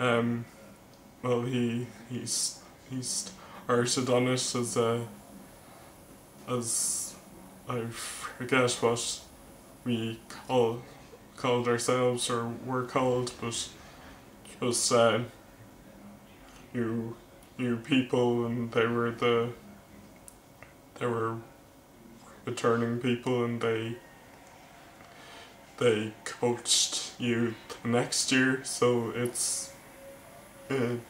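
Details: Male vlogger who stammers, speech with word repetitions; stuttering.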